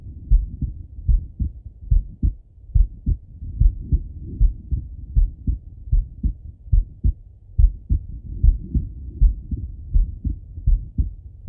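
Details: Adult male lying on his left side, heart auscultated with a stethoscope: steady low paired thumps at about 74 beats a minute with a faint hum between beats; normal heart sounds.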